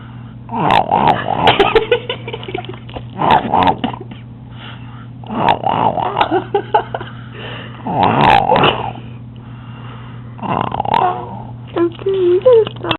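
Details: Woman snoring, described as being made to snore; repeated rough, fluttering snores every two to three seconds with some snorting over a steady low hum.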